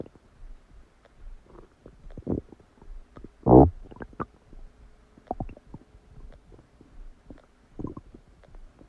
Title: Massive stomach digesting sound after eating a cheeseburger | My Stomach Makes Noises